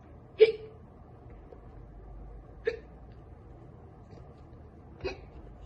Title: Girl gets hiccups from soda.